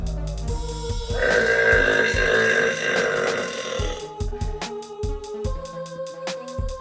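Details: Girl burping: a drawn-out, voiced ordinary belch over loud background music with a beat.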